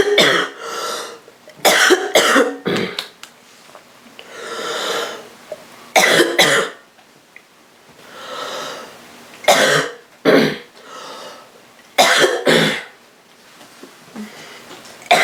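Repeated harsh, rough coughs in clusters with breaths in between, typical of a cough from a common cold.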